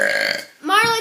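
A loud, voiced burp from a child, forced on purpose, followed by a brief vocal sound.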